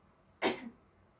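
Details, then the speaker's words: One short, dry voluntary cough on request after deep breathing, during a chest physiotherapy demonstration (postural drainage, percussion, vibration, effective coughing); the patient's hands are placed on chest and abdomen, and no secretions are brought up. "selanjutnya Bu Tarik nafas Hai silakan batuk bu hehehe"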